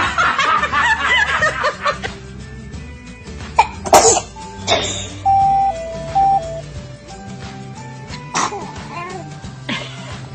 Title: Cute Babies Sneezing: When Did Sneezing Become So Cute